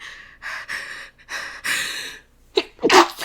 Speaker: Okay. Okay. Okay. Maybe maybe I have to sneeze just a little bit.